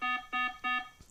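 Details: Three short electronic chime tones: a notification alert from the app of a Wellue Oxylink remote blood-oxygen (SpO2) and heart rate monitor with adjustable alarm levels.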